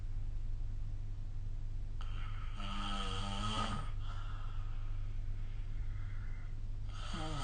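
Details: Snoring during sleep: a steady low hum underneath, with one drawn-out vibrating snore and the start of another.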